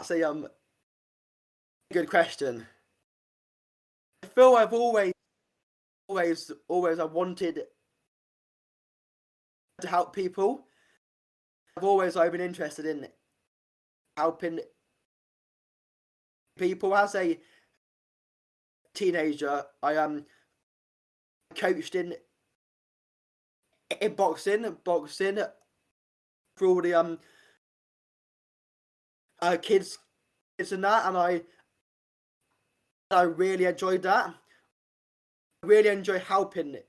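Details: Stuttering (stammering) in an adult man, an army medic, who has stammered since age five; he reports blocks and repetitions that worsen under stress; real, not acted.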